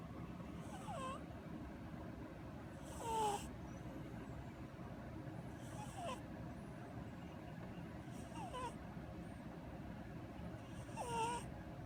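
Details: Cute orange cat taking a nap, snoring; he recently lost his sister and naps all the time.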